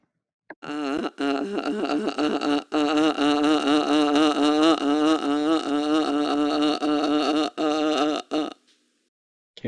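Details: Sustained "a" vowel from a 62-year-old woman with spasmodic dysphonia, with 20 years of increasing hoarseness, treated with intermittent vocal fold injections for 8 years.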